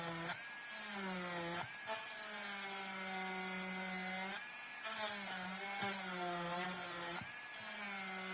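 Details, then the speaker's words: High-speed dental handpiece cutting occlusal depth orientation grooves (about 1 mm) on the lingual cusps of a typodont mandibular first molar (#36) for a full veneer crown: steady high-pitched whine dipping in pitch under load as the bur cuts. "Now we will make grooves for the lingual side also. So the depth orientation groove for the distal lingual cusp is also complete. Now let's try to make a groove for the mesiolingual cusp also."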